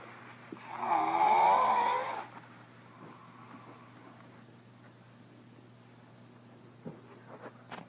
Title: Someone snoring real loud